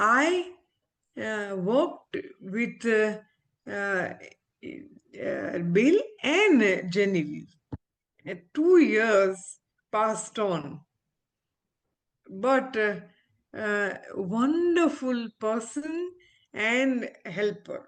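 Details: Adult woman, a former ophthalmologist, with aphasia after a stroke, about a year into recovery and still recovering her speech with a speech-language pathologist. Aphasia.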